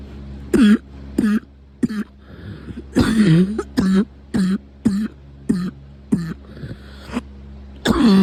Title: Coughing frenzy